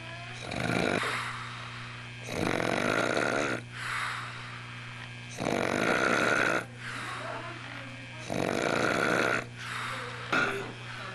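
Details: Piglike snoring: loud, harsh snores about every three seconds, rattling on the breath in and softer on the breath out, over a steady background hum; recorded 1 January 1989.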